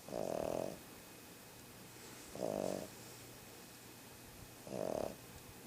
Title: Doggie Azarchi Snoring Oct 31, 2012 2 of 3